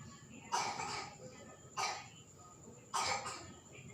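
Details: Adult with dizziness and cough during a massage session: three separate harsh cough bursts over about four seconds, with a steady high whine and low room noise behind.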